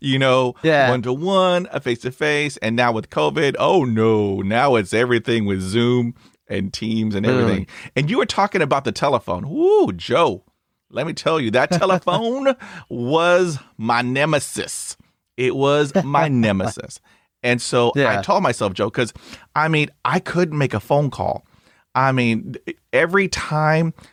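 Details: Adult male speaker; conversational speech.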